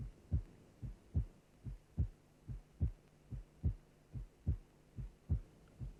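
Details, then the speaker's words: Simulated heartbeat, regular at about 72 a minute, from a cardiac auscultation teaching programme: a longer, lower first sound, then a brief, higher second sound. Normal first and second heart sounds. "Having learned to identify the first and second H sounds we can now concentrate on understanding and recognizing splitting of the second sound"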